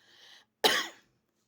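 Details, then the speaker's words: A soft breathy sound, then one sharp single cough from a woman with a lingering cough she is tired of. "заманал мне уже этот кашель заманал проходит таблетки"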